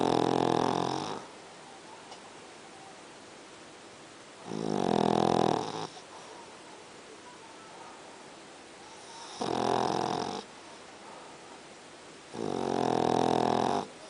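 Slow, rhythmic snoring from a sleeping dog, with a rumbling, whistly tone on each breath and quiet pauses between.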